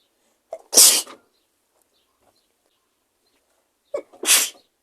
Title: Powerful sneezes 💕